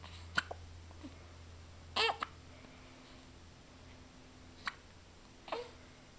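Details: A 4-week-old baby boy rolling around on the floor makes a few brief, abrupt, irregularly spaced catches in his breathing in a quiet room, consistent with hiccups.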